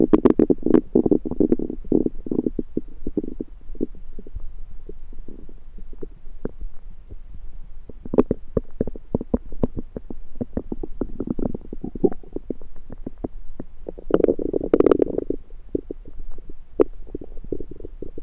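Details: Own abdomen recorded with a USB stethoscope: continuous gurgling and bubbling rumbles with louder bursts; ordinary active bowel sounds.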